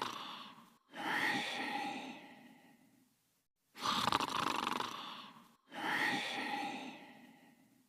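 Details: Cartoon (simulated) snoring: three long, noisy, rasping breaths separated by short pauses.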